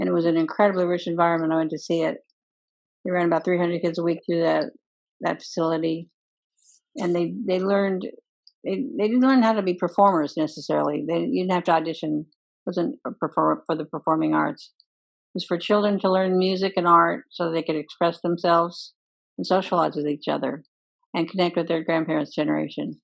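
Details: Speech of a woman with progressive supranuclear palsy, a form of Parkinsonism first thought to be Parkinson's disease; she can no longer sing and attributes this to systemic disease rather than age-related vocal impairment.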